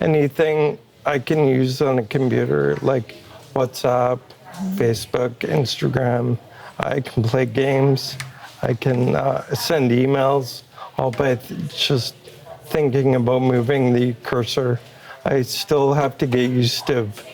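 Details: Adult man with ALS, a progressive neurological disease, with limited hand movement and a Neuralink brain implant received in late May; he says his voice is starting to slow down and will worsen daily; dysarthria (ALS).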